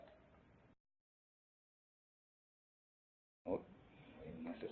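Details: 10-year-old girl, constant progressive rough voice for four years with progressive breathing difficulty, mother links onset to tonsillectomy; papillomas on both vocal folds, anterior commissure and lower surfaces; before surgery; dysphonia from laryngeal papillomatosis.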